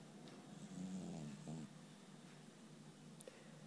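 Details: Sleeping cat snoring: soft, low rattling breath noise over a quiet room background.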